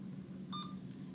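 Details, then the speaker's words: Alaris IV infusion pump demonstration: a single short beep over steady low room hum as the volume infused key is pressed, showing 1.80 mL run on channel A. "so I'm going to touch the volume infused button it's going to tell me here for Channel a I have had 1.80 MLS run"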